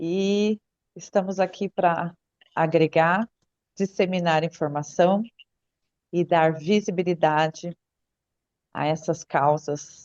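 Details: Adult woman speaking Portuguese; normal speech.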